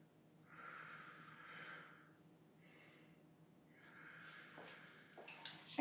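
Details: Posterior chest auscultation with the stethoscope diaphragm in a ladder pattern during a pulmonary assessment demonstration. Soft, airy deep breaths in and out through the mouth, with stethoscope rubbing. Normal breath sounds.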